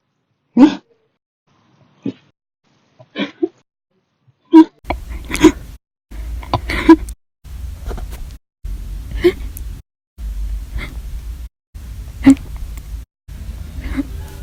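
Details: Brief, sharp, gulping hiccups recurring every one to three seconds, faintly audible, from a person with daily hiccup bouts, recorded in July 2019 during an hours-long episode; hiccups.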